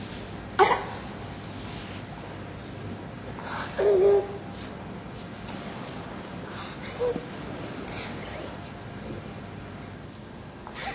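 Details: Child with croup, during sleep: persistent stridor, clearly more marked on inspiration.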